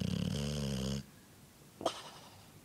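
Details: Boxer dog snoring while sleeping: one loud, buzzing, rattling snore, then a pause and a short snuffling breath.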